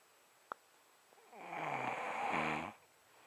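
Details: Adult man who denies snoring: a single loud, rattling snore on the in-breath after a quiet pause; ordinary snoring.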